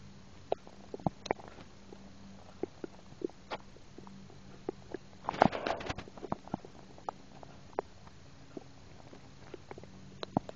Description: I was eating some wendys burgur and I had some soda and I swallow some air this was record while I was eating. You can hear the soda going in down in me.